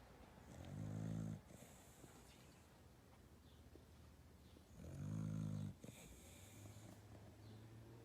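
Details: Puppy napping in someone's arms, snoring: two soft, low, rumbling inhaled snores about four seconds apart, with quiet breathing between.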